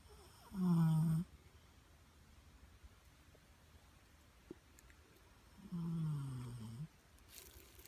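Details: Sleeping Pitbull dog snoring: two long, rough, low-pitched snores about five seconds apart in a quiet room.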